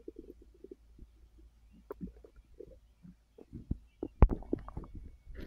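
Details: Resting after overeating following an edible gummy, full bloated stomach: frequent low gurgles and bubbling rumbles, busier toward the end; active bowel sounds of digestion.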